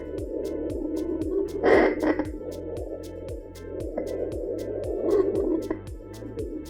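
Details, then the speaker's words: Portable home fetal Doppler with gel, probe glided slowly and rocked side to side from the pubic bone up toward the belly button in a demonstration: fast, regular whooshing thumps at about 150 a minute over Doppler hiss and rubbing, a normal fetal heartbeat. "when you detect the heartbeat you'll hear it and see the beats per minute on the screen"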